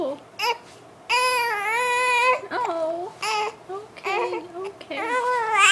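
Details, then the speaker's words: Baby girl with hiccups crying: several rising and falling infant cry bursts with fussy vocalizing in between, while an adult remarks that the hiccups are terrible; an ordinary baby cry. "my goodness those hiccups they're terrible okay they're terrible"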